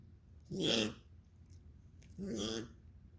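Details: Dog coughing: two harsh, raspy expiratory bursts about a second and a half apart.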